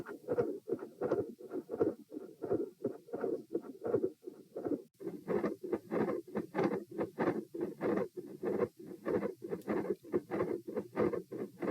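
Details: Heart sounds recorded at position P with the subject sitting, from a same-subject comparison study: fixed split S2 with extra heart sounds and clicks.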